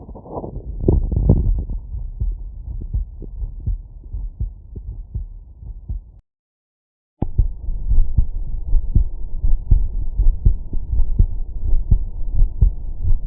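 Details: Steady low heartbeat thumps through a stethoscope, about 82 beats per minute; normal heart sounds.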